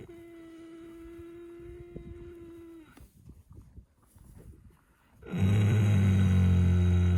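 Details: A horse lying down for an afternoon snooze gives a steady nasal drone, a quiet pause, then a loud, low, rumbling snore.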